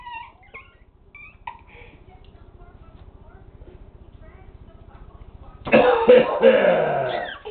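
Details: A short run of loud, deliberate fake coughs from an adult man (a father) after quiet sounds from his amused young daughter. Finding: voluntary cough.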